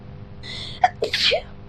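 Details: Adult woman with many allergies, in a sneezing fit after her new neighbours got a cat: a hissing breath in, then a quick run of one or two forceful sneezes, consistent with allergic sneezing.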